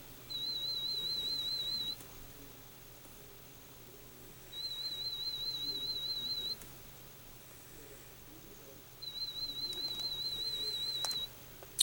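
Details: Pure-tone audiometry threshold testing at 4000 Hz through headphones to the right ear: three high-pitched FM warble tones, each 1.5–2 seconds, separated by quiet gaps with low room hum, while bracketing after a response at 50 dB.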